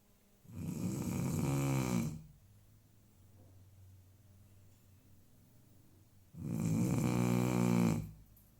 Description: My dog snoring